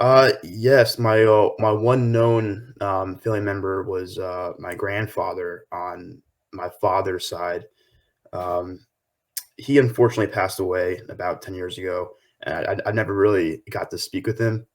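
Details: 23-year-old man with lifelong stuttering that was a struggle through his school years; his paternal grandfather also stuttered: stuttering.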